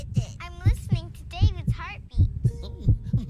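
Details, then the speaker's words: Staged normal heartbeat in a children's TV scene, heard through a stethoscope: steady paired drum-like thumps at about 75 a minute over light music. "does it sound like, Laura? It sounds kind of like a drum."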